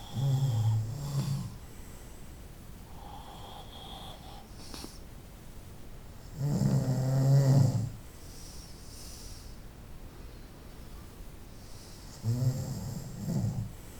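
Deep, low, rumbling snores come about every six seconds, with quiet breathing and faint room noise between. Night-time snoring.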